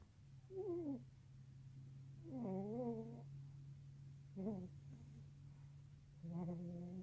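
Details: A few short, squeaky, whining snorts over a steady low hum from a Maltese dog in deep sleep; sleep snoring or snorting.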